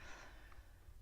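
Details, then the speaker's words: Faint, brief snorting breath over low room rumble: soft snoring from a sleeping pet chihuahua in the background. "also I'm just gonna say real quick here that the snoring you can hear in the background is my chihuahua who's"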